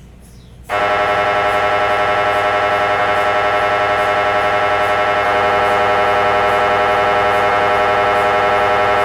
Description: MRI machine noise. MRI scan sound. MRI machine sound. Funny sounds.